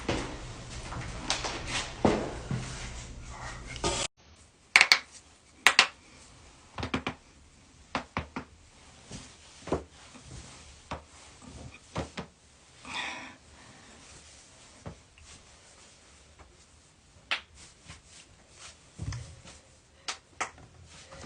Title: loud joint cracking compilation